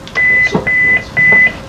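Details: Simulated cardiac arrest team training: three loud, steady electronic beeps from the defibrillator or monitor right after a 360 J shock.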